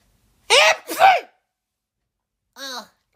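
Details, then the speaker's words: Animated plesiosaur cartoon character sneezing, blamed on allergy season: two quick voiced sneezes in succession, then a short high-pitched vocal sound; an acted cartoon sneeze, not real. "excuse me. Oh, man. I guess it's allergy season. >> Dude, that was the cutest sneeze ever."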